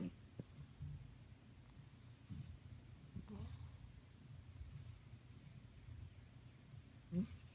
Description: Yeah just my cat snoring.